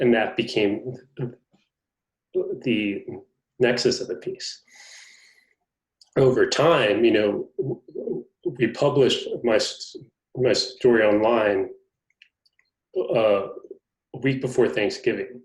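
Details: Adult man who stutters, in a conversation about his life as a person who stutters. Finding: stuttering.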